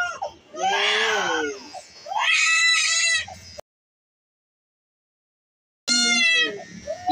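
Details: Infant of a few months crying during her first haircut, frightened at first: loud, high-pitched wailing bursts with whimpers between, then a pause and another cry; ordinary fussing.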